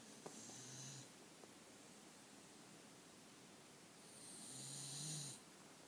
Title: Snoring after anti BSL walk and Santa visit